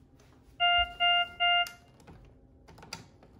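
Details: Three short, evenly spaced electronic tones from a ZOLL X Series monitor as the CO2 button switches capnography on, then faint clicks.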